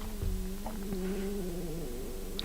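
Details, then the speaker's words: A drawn-out, wavering low rumble with a faint tone from an adult's stomach, which he links to hunger before breakfast: stomach growling (borborygmi). "that stomach do you hear that stomach did you hear my stomach maybe I should do a bowl of oatmeal"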